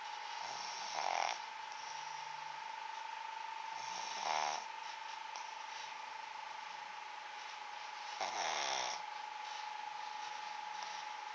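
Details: Sleeping dog (Migs) snoring: three short, nasal snores a few seconds apart over a steady background tone; ordinary snoring.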